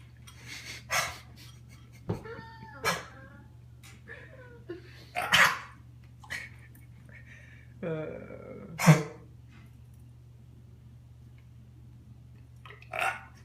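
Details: Dog with a bit of a cough: several short, harsh cough-like bursts between soft whining and snuffling sounds: cough.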